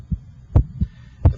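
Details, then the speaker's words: Electronic stethoscope over the PMI (apex), timed with the radial pulse: S1 coincides with the pulse, and the first and second heart sounds are heard. Normal heart sounds. "the first heart sound and the radial pulse occur simultaneously i can hear your first heart sound and i can hear the second heart sound"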